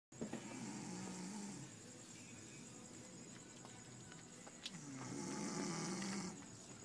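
Two long low rattling snores on breaths, with a steady high-pitched hum and faint room noise behind; ordinary snoring.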